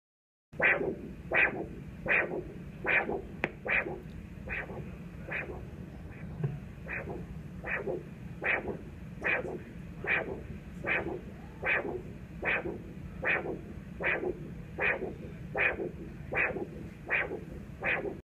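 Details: Regular whooshing arterial Doppler pulses at about 78 a minute, the expected triphasic sound and wave pattern of normal peripheral arterial flow.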